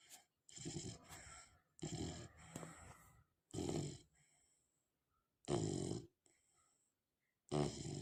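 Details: Snoring heard for the first time, described as sounding like a human. Snoring.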